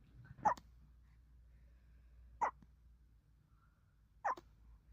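Three brief, sharp hiccup sounds about two seconds apart in a quiet room, roughly 30 a minute: hiccups.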